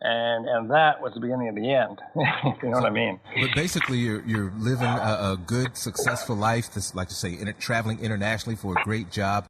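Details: Adult male speaker; normal speech.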